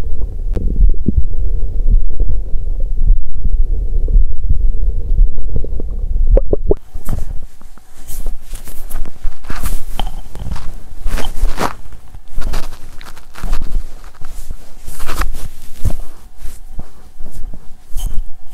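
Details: Active bowel sounds (borborygmi) from an adult woman's abdomen on day 2 of her period, after she lay down. Low rumbling gives way to frequent gurgles and clicks, likened to a horn or tuba.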